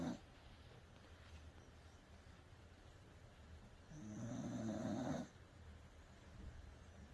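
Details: A Welsh Corgi snoring while asleep after being washed: one low, rumbling snore lasting just over a second amid faint room noise.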